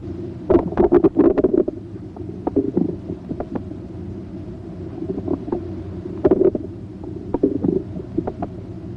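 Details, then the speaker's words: Normal bowel sounds: irregular gurgles and clicks heard with the stethoscope diaphragm placed gently on the right lower quadrant of the abdomen. "listen for bowel sounds by placing the diaphragm of the stethoscope gently on the right lower quadrant listen to their pitch quality and"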